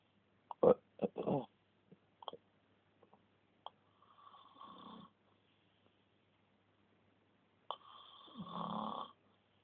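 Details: Snoring: irregular snorts and clicks, then two longer rattling, whistling inhaled snores in a quiet room.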